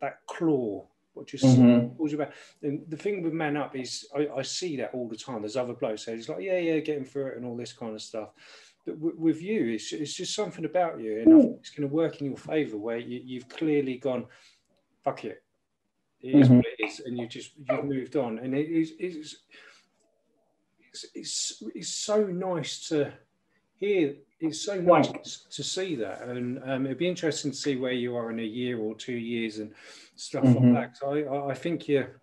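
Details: Adult man speaking; typical speech.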